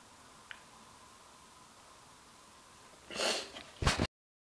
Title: Induced Sneezes2 ( With Hankey Blow)